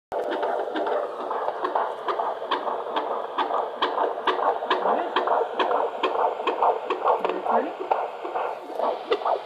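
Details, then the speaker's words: Fetal heart tones on Doppler at 32 weeks of pregnancy: rapid, regular whooshing heartbeat of about 136 a minute, within the 120s–140s, described as a good strong heartbeat. Normal fetal heart tones. "120s to 140s. Okay. A good strong heartbeat."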